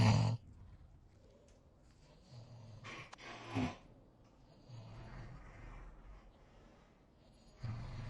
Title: Snoring (sound clip)